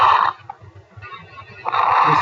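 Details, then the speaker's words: Teaching clip of noisy breath sounds with low, bubbling coarse crackles, contrasted with fine crackles of pulmonary fibrosis, pulmonary oedema and heart failure; coarse crackles. "causes of fine crackles pulmonary fibrosis and Pulmonary Oda this is the most common while other causes late in Inspiration in the heart failure is while this is the course"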